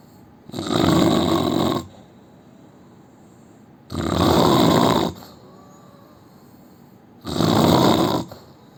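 Loud, harsh snores about every three seconds, roughly 19 a minute, with quiet breathing between them.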